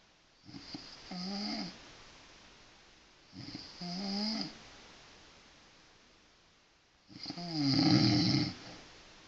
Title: Mom snoring lol